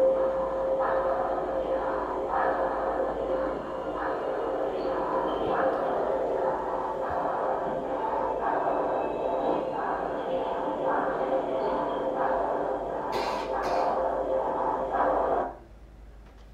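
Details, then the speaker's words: Child (girl) with acute breathlessness, breathing fast and regularly without a prolonged out-breath, unlike a wheezy child; tachypnoea in suspected pneumonia. "what would you say about this child she's breathing fast"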